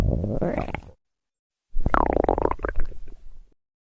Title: Sounds (Stomach Growling)